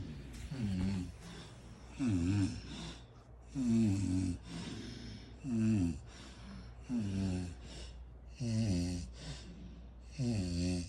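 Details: Adult mother or sister, who claimed not to snore, recorded asleep: loud, rattling snores on each breath in, about seven in ten seconds, with quieter breaths out between; ordinary snoring.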